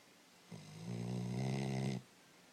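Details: Snoring: one long, low, rattling snore on a breath lasting about a second and a half.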